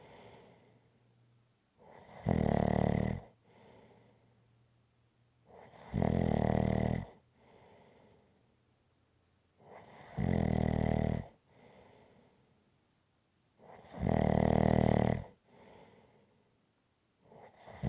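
Loud, regular rattling snores on each inhale, about fifteen a minute, with a quieter breath out between them.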